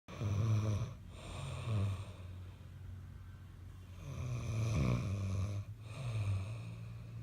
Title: Hubby snoring